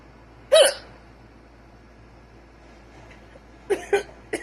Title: Got the hiccups ❤️